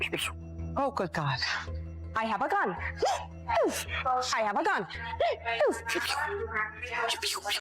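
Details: Clip from a compilation of people with Tourette syndrome, a chronic neuropsychiatric disorder with involuntary, sudden, repetitive motor and vocal tics, none painful; a phrase is repeated; vocal tics (Tourette syndrome).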